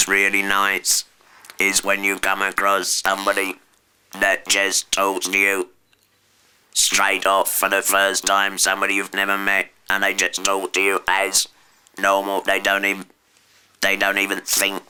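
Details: Alaryngeal speech after total laryngectomy (surgical removal of the larynx); the speaker cannot shout or whisper.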